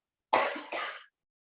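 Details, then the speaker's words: Two quick, harsh coughs in close succession from an adult professional triathlete who has been coughing like this all day; the second is slightly weaker. Finding: cough. "wow yeah coughing like this all day but oh sorry to hear that"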